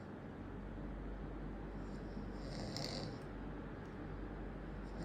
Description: Snoring man second part released